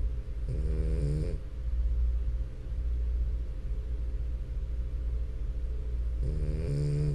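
Low, rumbling, continuous snoring from a sleeping dog, with louder snorting breaths at the start and end; steady noisy airflow throughout.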